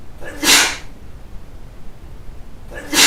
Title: Why Not Sneeze?